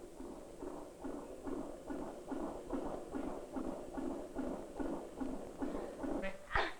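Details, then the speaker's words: Fetal heartbeat amplified by a monitor microphone during labour, contractions every 3 minutes, first delivery, checking for fetal distress: rapid, regular whooshing beats at about 145 a minute; normal fetal heart rate. "the microphone amplifies the baby's heartbeat so Dr m can hear if the baby is in any distress the heart is pumping"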